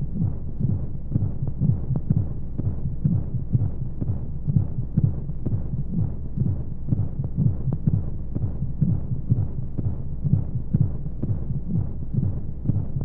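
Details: Womb sound played as a baby sleep aid: steady low muffled heartbeat thumps in pairs, about 60 a minute, over a soft white-noise hiss; heartbeat.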